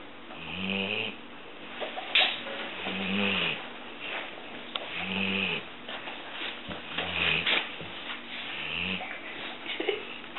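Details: Female yellow Labrador snoring while sleeping with eyes open, briefly disturbed and then back asleep: regular low buzzing snores on each breath, about 30 a minute, with soft snuffles between.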